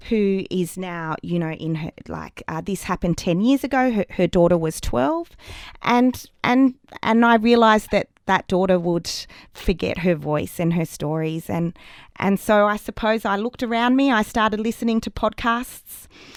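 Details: Adult woman with persistent stuttering, worse in childhood, now considered not very serious; stuttering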